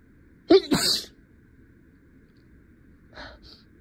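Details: One loud sneeze with a sharp intake before it, then a soft breathy aftersound; an acted sneeze in a courtroom-lawyer roleplay while stuffy.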